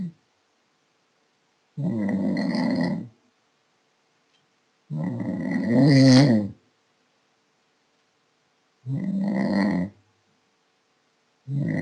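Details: Loud, rough, rattling snores on each in-breath, about 17 a minute, separated by quiet pauses; typical snoring.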